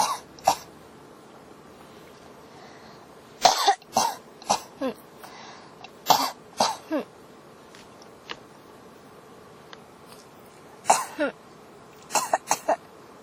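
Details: Persistent, non-stop cough (ASMR recording): repeated dry cough bursts, often paired or in short runs, about a dozen across the stretch.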